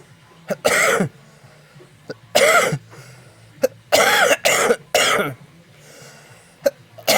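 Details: Adult coughing: five dry, forceful coughs in short separate bursts over a low steady hum.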